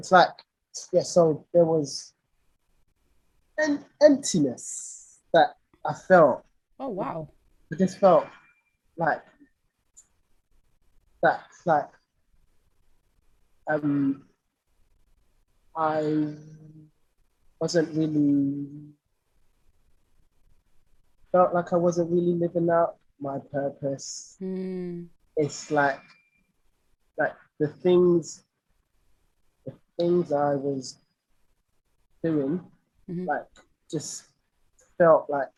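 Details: Lifelong stuttering (stammering) in an adult male singer; real conversational speech, broken with pauses and fragmented phrases.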